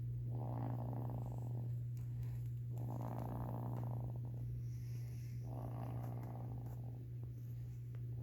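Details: 4.5-month-old snoring gently during sleep: soft, rhythmic rasping breaths, three in eight seconds, over a loud steady hum.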